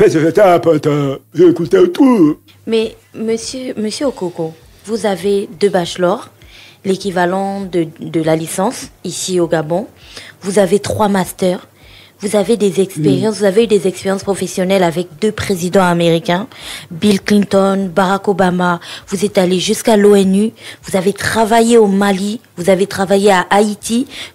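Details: Adult woman speaking French; typical speech.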